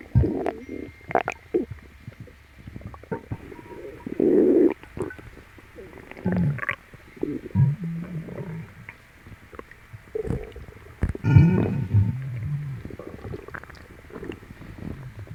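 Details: Loud, low gurgling and rumbling bursts recurring irregularly from a painful, upset tummy stroked clockwise; person suspects something eaten; active bowel sounds.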